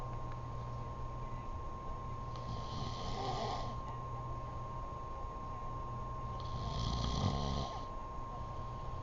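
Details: A man sleeps and snores loudly: two long, rough breaths with a low rattling vibration, about 4 to 5 seconds apart, over a steady room hum.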